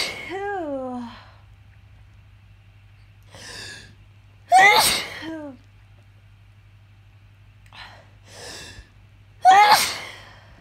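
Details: Morning sneezes after sleeping with the windows open on a hot night: two sharp, loud sneezes, each after a short inward gasp, with quieter voiced sounds between and a low hum behind.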